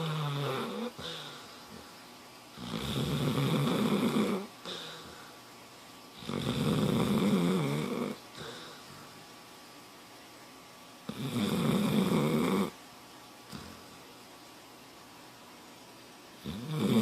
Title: Tag someone who snores like this